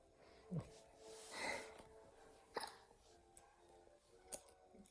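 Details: A child's short, sharp hiccups, about three in five seconds, as he tries to stop them, with faint background music and room sound.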